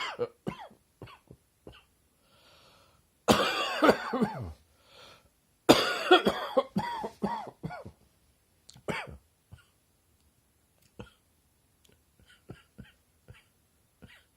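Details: Adult's deep rattling morning cough after waking up feeling chesty, possibly from unseasonably cold weather: two deep, rattling coughing bouts among short throat sounds, a productive wet cough.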